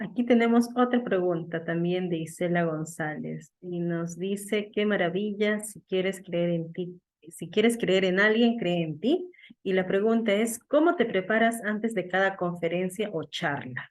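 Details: Adult woman speaking Spanish; normal speech.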